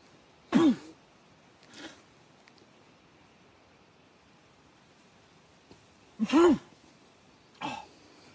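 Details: Acted comedy golf skit: after complaints of burning eyes and an itchy throat, two pairs of loud, explosive sneezes, each followed by a softer one, in a quiet room; sneezing.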